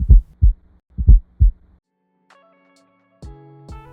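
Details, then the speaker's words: Low heart thuds at about 60 a minute with a faint low-intensity extra sound in late diastole just before S1; teaching example of a fourth heart sound (S4 gallop). "the fourth is a low intensity sound that when heard occurs before S1 in late diaso and is described as"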